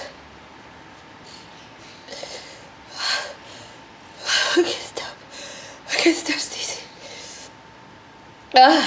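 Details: Very intense repeated sneezing fit, eyes affected: forceful sneezes in quick succession with gasping breaths between, in a quiet room.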